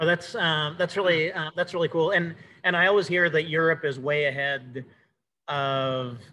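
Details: Cluttering in an adult male speaker who says he has cluttering.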